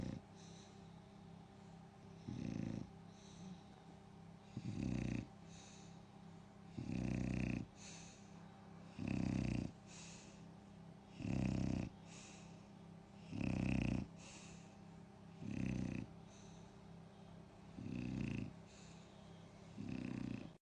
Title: When me bulldog snores like she’s been doing a 9 till 5 job 😂😂😂